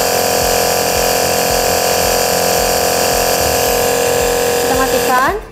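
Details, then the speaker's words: Omron C101 nebulizer compressor measured with a sound meter at 86.0 dB, louder than the C801 model; loud, steady mechanical buzz and hum that winds down as the unit is switched off. "kebisingannya 86,0 dibel lebih bising ya dibanding tipe 801"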